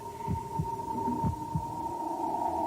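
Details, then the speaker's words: Soft, quick, low thumps over a steady electronic hum: a recorded fetal heartbeat from a pregnancy that later ended in miscarriage. "But for the moment, John and Yoko waited impatiently for the birth of their child, recording the fetal heartbeat and happily making plans."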